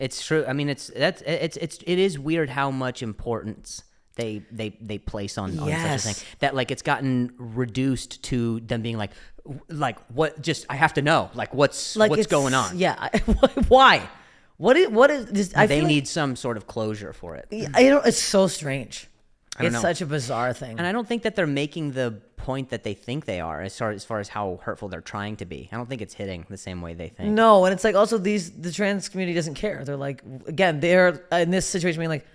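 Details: Adult man who stutters, speaking in conversation; stuttering.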